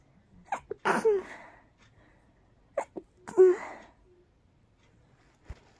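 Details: Very tickly, very rapid teasing sneezes: two quick sneezes, each with a sharp intake and a forceful burst, then a faint sniff, in a quiet room.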